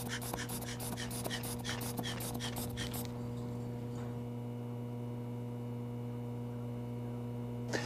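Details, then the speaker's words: Quick regular squeezing puffs of a hand bulb inflating a blood pressure cuff snugly on the upper arm, then quiet room hum; reading obtained 112/74. "okay so here we go we're going to pump this up so we get a snug squeeze on our upper arm"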